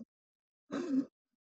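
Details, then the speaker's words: Single harsh, noisy indrawn breath under half a second, imitated in a pediatric respirology review to demonstrate stridor, a harsh continuous inspiratory sound from partial upper airway obstruction. "هذا الصوت اللي بتلاحظ اسمه سترايدر"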